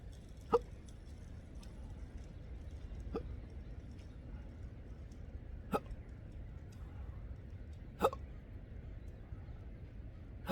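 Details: Intractable hiccups, present since December 2015 with breathing and choking spasms, burps and developing achalasia, recorded outdoors at sunrise on the coast: four sharp, irregularly spaced hiccup bursts over about ten seconds; this episode began just before recording.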